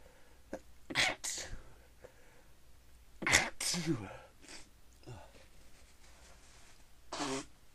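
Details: Three sharp, partly stifled sneezes with faint breaths between them. The person meant to stifle every sneeze and tries to stop, but says they can't stop and the sneezes keep coming.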